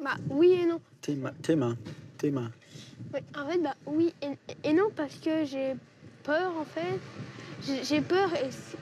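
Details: Stuttering lasting for years in an 11-year-old boy, not resolved by speech therapy and child psychiatry, during a 3-day breathing-based stuttering course in Paris.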